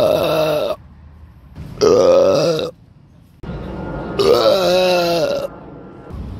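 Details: Person burping, recorded on a Samsung Galaxy S9 phone: three long, loud, drawn-out tonal belches with rumbling quiet between them; burping.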